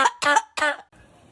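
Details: Three short, harsh, voiced cough bursts in quick succession from someone whose cough the speaker blames on air conditioning, then quiet room noise: cough.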